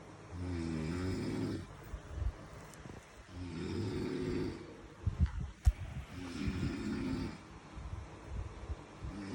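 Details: Loud snoring in sleep: three long, low, rattling snores on the in-breath, about every three seconds, with quieter breathing between.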